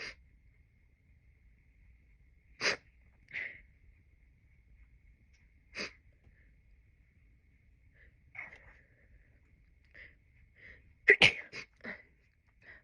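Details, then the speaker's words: Postpartum woman sneezing about six times in a row, unusual for her, with a lingering urge to sneeze: a run of sharp, sudden sneezes, several in quick succession near the end, in a quiet room. "Oh my god, I just sneezed like 6 times in a row. Oh no. Oh my god, I've never sneezed that many times in a row."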